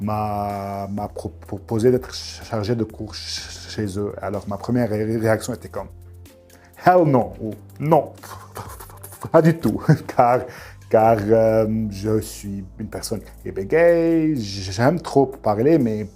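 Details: Adult woman with a master's degree who stutters; stuttering.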